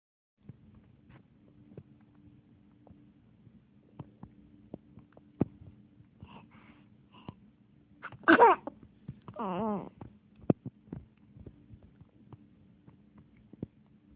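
A single sharp sneeze burst in a quiet room, with a short whiny vocal sound just after and faint clicks and hum in the background.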